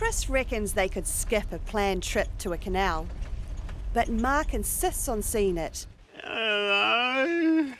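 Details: Adult narrator; normal speech.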